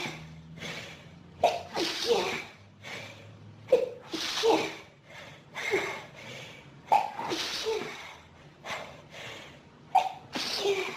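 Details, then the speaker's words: Six to eight sharp sneezes in quick succession, each preceded by a drawn-in breath, a sneezing fit in a person with pollen and dust allergies since about age 14, triggered by room dust; described as very intense. "Oh, God, that felt so... That was some sneezing fit. So intense."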